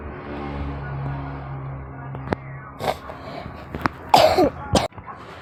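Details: Recorder's own ordinary dry cough during a mukbang recording: a few short, sharp cough bursts over low background music and room noise.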